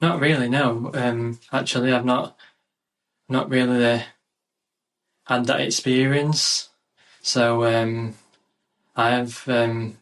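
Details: 27-year-old UK man with a lifelong stammer involving blocks and difficulty getting words out, which improved as his confidence grew; stuttering (stammer).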